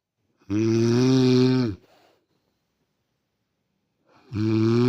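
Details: Adult woman snoring in sleep: loud, sustained, buzzing snores on each breath in, separated by silent pauses of several seconds; heavy snoring.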